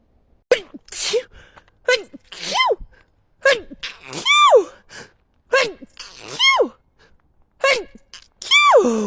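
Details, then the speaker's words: Woman with allergies who ran out of her allergy medicine and says she sneezed so hard she bit her tongue: about five forceful sneezes in quick succession, each a sharp in-breath and voiced burst; repeated sneezing. "I ran out of allergy medicine and I'm suffering so hey everybody and I I sneeze so hard that I bit my tongue"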